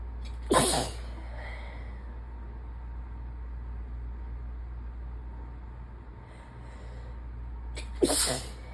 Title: 7/16 - sinus infection sick-y sneezes pt 2